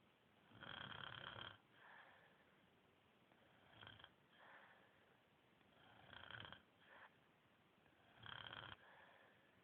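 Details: Person snoring in sleep: loud rough snores on the in-breath, softer breaths out between them, about four snoring breaths in ten seconds, ordinary snoring.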